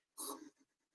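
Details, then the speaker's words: Nervous, scared hedgehog in a container: a single short, breathy puff with a hiss and faint trailing hiccup, its first defensive warning not to touch. "do you hear his little hiccup that's his first warning you hear that sound and you know not to go and touch him"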